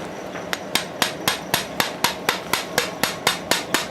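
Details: Rapid sharp metallic taps, about four a second, from a surgical mallet driving a suture anchor into the tibia for meniscotibial repair in a 29-year-old woman with multi-ligament knee injury and tibial MCL avulsion after a road accident.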